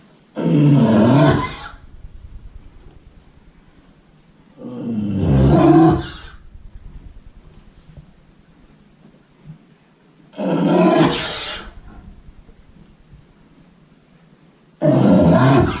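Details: Horse coughing in his stall, a bad cough that worried the owner and later cleared after an allergy remedy: four loud, harsh coughs about 4–5 seconds apart, each followed by quieter breathing; repeated deep horse cough.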